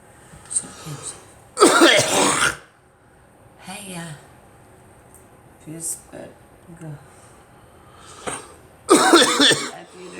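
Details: Two strong, harsh coughs with throat clearing and small grunts between; a chesty cough trying to bring up phlegm that is stuck.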